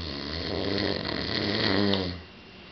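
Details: Man snoring, so loud it was mistaken for a bear in the house: a loud, low, rattling snore held about two seconds, then fading into quiet.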